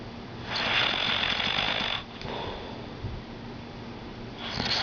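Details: Ordinary snoring from a man asleep: rough, rattling breathing noises that rise and fall with each breath.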